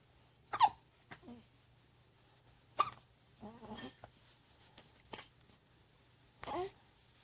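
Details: Hiccups in a 3-week-old baby girl: sharp little hiccup sounds at irregular spacing with soft baby noises between; the hiccups don't seem to bother her much.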